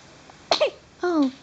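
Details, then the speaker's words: One-day-old newborn girl: one quick, sharp burst of air and then a short, rising whimper, followed by "bless you"; sounds like a small infant sneeze. "bless you. Bless you, little one."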